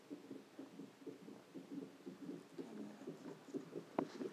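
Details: Rapid soft whooshing pulses, roughly 125 a minute, from a fetal heart monitor before childbirth.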